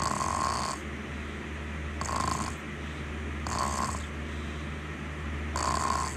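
Soft, whistly snores with a purring quality recur every one to two seconds over a steady low hum. Light snoring.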